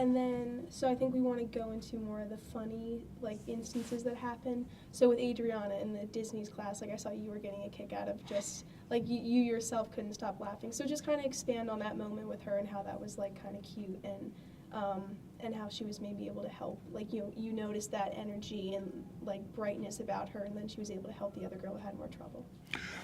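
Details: Adult woman speaking; ordinary speech.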